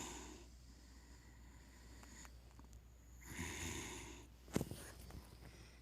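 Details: Pet pig asleep snoring: soft, noisy snorting breaths, one rough inhalation and short snort, over faint room hum.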